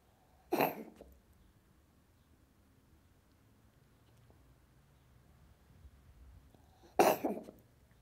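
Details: Two sharp, harsh coughing bursts from a cat, several seconds apart, in a quiet room; the cat is described as sick.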